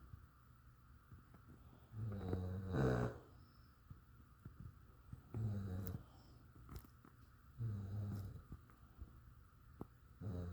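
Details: Low, rumbling snores about every three seconds from a sleeping dog, with light background noise; snoring.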